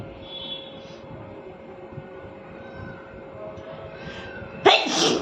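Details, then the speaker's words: A sneeze deliberately set off by tickling the nose with paper: quiet room, then one loud, sharp sneeze burst. "तो मैं हमेशा से paper से टीजिंग करती हूं क्योंकि मुझे पेपर से अच्छे स्नीजिंग होता है तो मैं आज भी पेपर से करूंगी"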